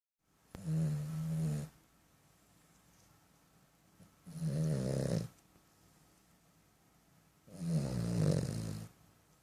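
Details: Cavalier King Charles Spaniel puppy snoring: three soft, buzzing snores, one every three to four seconds, in a quiet room.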